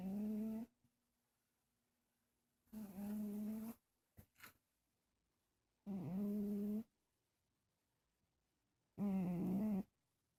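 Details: Cat fast asleep on blankets: four slow, voiced snoring sounds on the in-breath, about 20 a minute. Snoring.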